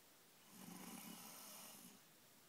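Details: Single soft, rough inspiratory snore lasting about a second and a half, against quiet room noise.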